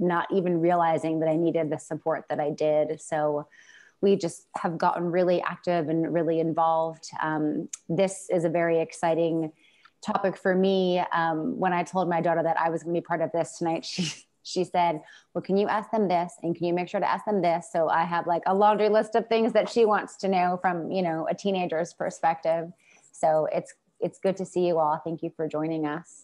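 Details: Adult woman speaking; normal speech.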